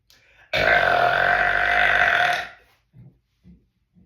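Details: Man's burp compilation: one long, loud, rumbling burp lasting about two seconds, then a few faint short sounds.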